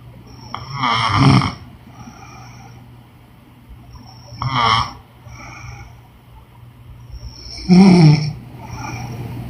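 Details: Woman snoring in sleep: loud, rough snores on each in-breath, about 18 a minute, over a steady background hum.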